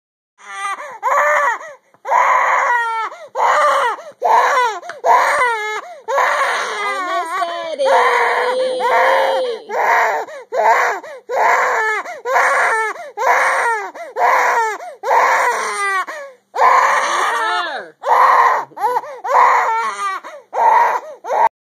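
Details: Infant crying: steady, rhythmic wailing bursts about one per second with brief breaths between, in a quiet room.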